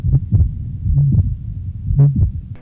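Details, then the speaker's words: Simulated heart sounds near 63 beats a minute with a low murmur filling systole, heard along the left sternal border at the 4th–5th intercostal spaces (tricuspid area) during cardiovascular auscultation: tricuspid regurgitation murmur. "Along the left sternal border at the left 4th and 5th intercostal space, listen for the murmurs of tricuspid regurgitation"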